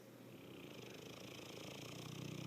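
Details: Loud snoring that gets louder over the recording: a steady, rapid, low rumbling vibration that builds in loudness, like a purring snore.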